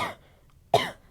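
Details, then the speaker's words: Asthma cough in an adult woman whose coughing flares whenever the weather gets warm: two short, dry cough bursts about half a second apart. "right now I feel like I'm about to cough so I'm going to go away I have asthma so it's G to go on for a while"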